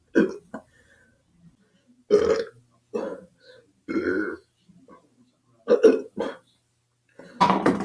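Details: Repeated belching: several loud, low, rumbling burps in a row with short pauses between them, followed by "excuse me".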